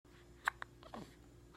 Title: Seven day old hiccups